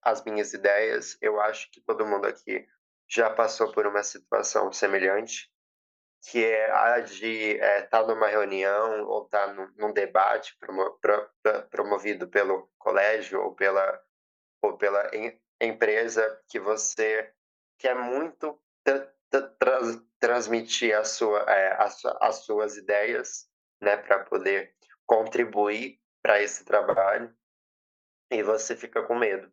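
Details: 20-year-old woman who has stuttered since age 7, with past speech therapy, stuttering worsened by emotion and nervousness, very nervous while giving a public talk; stuttering.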